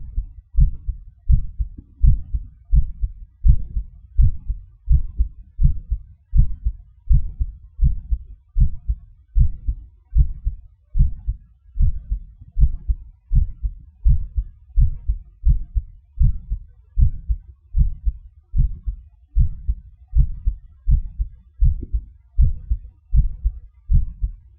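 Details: Heart sounds recorded with gated MRI: steady low heart thumps at about 80 beats a minute in a regular rhythm.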